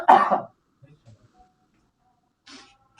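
A single loud, harsh cough burst, then near silence with faint room sounds and a brief breathy noise near the end: one ordinary cough.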